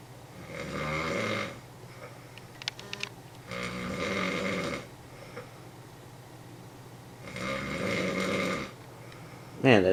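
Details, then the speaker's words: Man sharing a convention hotel room, asleep lying on his side: three loud, harsh snores with quiet gaps, about 17 breaths a minute; heavy snoring in sleep. "nds there's that one guy that snores listen to that it sounds painful ain't even make that noise it hurts too much"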